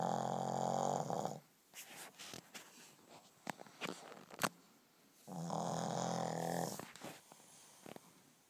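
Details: Brodie, a Shih Tzu, asleep: two long rumbling snores with quiet breathing and small noises between them; snoring.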